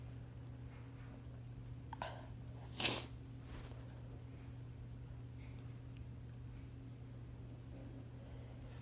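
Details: Person on day 3 of a cold with a sore throat: a single quiet, sharp sneeze burst over a steady low hum in a quiet room.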